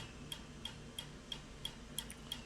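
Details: Sharp, evenly spaced clicks about three per second: a tattoo-removal laser firing its pulses at low power during a first laser tattoo-removal session on an old, poorly done tattoo; three to five sittings estimated.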